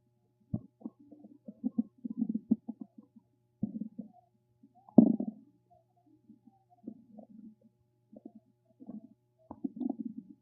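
Irregular low gurgles and rumbles in short bursts with quiet gaps between: ordinary stomach rumbling from gas and fluid moving through the gut.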